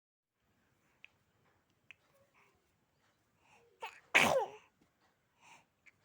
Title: Watch This Baby's Incredible Transformation From Smiles to Tears! #sneeze #crawling #laughing